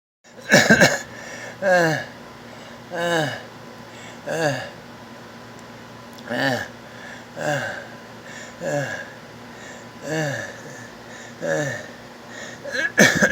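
Repeated harsh, high-pitched crowing noises with each breath, falling in pitch, at about 45–50 breaths a minute. This is stridor, a noisy breathing sound from narrowing of the upper airway that needs prompt assessment. Faint room noise is in the background.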